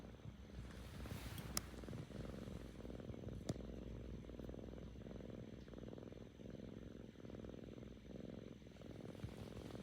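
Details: Continuous low rumbling purr rising and falling with each breath, not snoring: a contented 7-month-old Korean shorthair female cat purring, recovering from ear mites, after vomiting early that morning.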